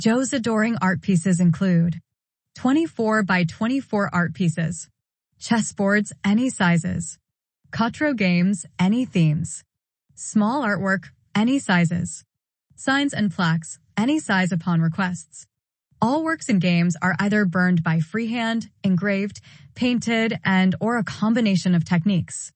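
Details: Adult narrator; ordinary speech.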